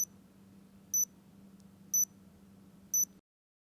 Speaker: Make sure the pump base has been inserted perpendicularly into the reservoir patch and remains tightly anchored. The gap between pump base and patch should be narrow and uniform. The patch pump will beep four times.